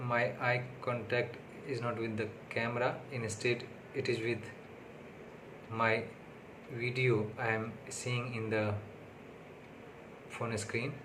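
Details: Adult man with stuttering (stammering), on day six of speech therapy, speaking unscripted in English, which is not his primary language but his most fluent one; stuttering.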